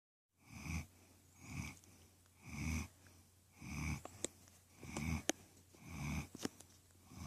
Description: Queenie girl sleeping and snoring in my lap!